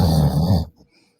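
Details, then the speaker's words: Man's snoring presented jokingly as "Armenian snoring" over music: one loud, low, rattling breath that stops abruptly; a single snore. "на протяжении тысячелетий этот армянский хра передавался отца к сыну от сына к внуку и на протяжении тысячелетий этот нежный армянский храп под звук армянского дудука остался в наших [музыка] сердцах"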